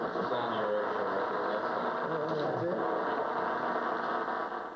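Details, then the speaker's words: Microelectrode recording deep in the brain of an awake patient with dystonia during deep brain stimulation surgery: dense radio-static-like crackling of nerve cells firing, used by surgeons to map abnormal cells, with faint voices behind. "To us, it all sounds like radio static, but to the surgeons, it's a sound map through Ed's brain."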